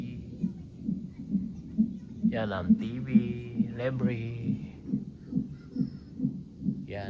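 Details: Fetal monitor in a hospital before the mother's planned surgical (cesarean) delivery: fast, regular whooshing beats at about 130 per minute, with music and voices; strong fetal heartbeat on monitor.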